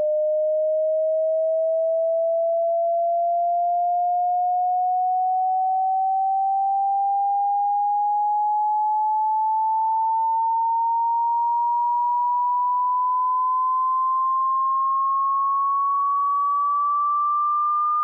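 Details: A single steady pure tone glides slowly and evenly upward, part of a 60-second frequency sweep from the lowest to the highest audible pitch, used for tinnitus pitch matching.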